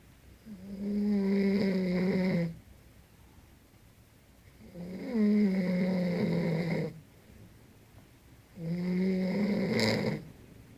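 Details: Adult man snoring loudly at 5 a.m. in Tenerife: loud, rumbling snores about two seconds each, roughly 16 a minute, with quiet gaps between; ordinary loud snoring.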